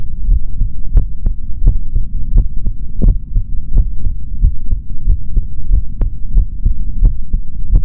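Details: Male body sounds recorded through a stethoscope for ASMR, no talking: steady, regular paired lub-dub thumps at about 88 beats a minute with a low background hum; normal heart sounds.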